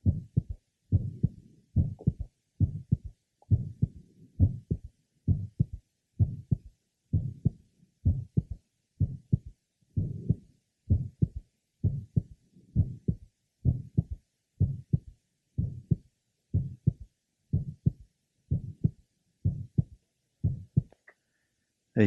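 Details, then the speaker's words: Patient with a normal heart, at the apex: normal physiological third heart sound that waxes and wanes in intensity, plus an innocent systolic murmur. "he also has a normal physiological third H sound which waxes and wains in intensity the innocent murmur is also heard here"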